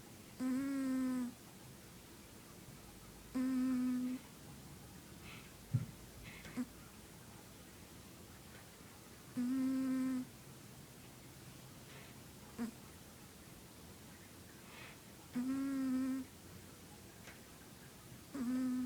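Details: Pet wheezing while asleep: short, tonal, whistling hums on its breaths, separated by quiet pauses.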